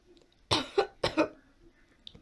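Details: Cough in an adult with tracheitis for several days, with sore throat.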